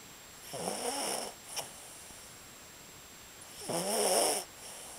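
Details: Sleeping small animal snoring: soft, high, nasal breaths with a whistling edge, two clear breaths a few seconds apart.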